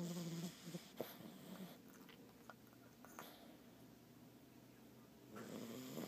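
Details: Sleeping French bulldog puppy, a couple of months old, gives a low, rattling, buzzy snore at the start and again at the end, with a quiet pause between: snoring.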